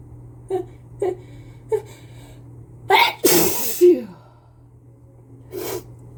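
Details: Adult with a cold sneezing into a face mask: short sharp breaths in, then an explosive sneeze with a second burst and a softer sneeze after, in a run of repeated sneezes.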